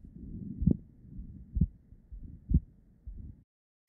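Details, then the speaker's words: Woman, short of breath, with a neck sign (heard as "coosball sign"): regular heart sounds near 64 a minute, split S2 with a very loud pulmonic P2, indicating pulmonary hypertension. "when you listen to her heart you hear a very loud p2s notice how this is S2 and notice that there are two components to S2 the first one is is aortic the second one is pulmonic she absolutely has pulmonary hypertension"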